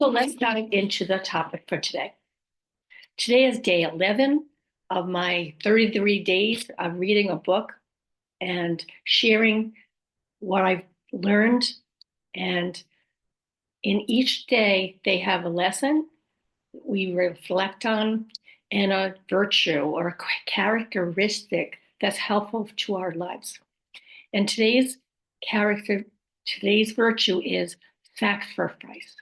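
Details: Adult woman about 5.5 years after a stroke, with aphasia, apraxia of speech and dysarthria; post-stroke aphasia with apraxia of speech and dysarthria.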